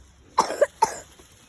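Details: A child coughs twice, short and sharp, in quick succession, the first with a brief double push, against a quiet background.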